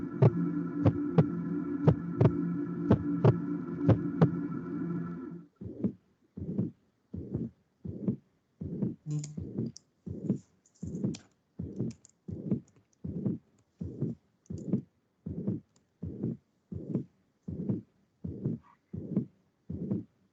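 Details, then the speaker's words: Pericardial friction rub of pericarditis: scratchy, grating bursts with each heartbeat at about 87 a minute; a rub that may be systolic and diastolic or only systolic and can vary from day to day. "bueno en este vídeo vamos a escuchar cómo es el frote pericárdico y"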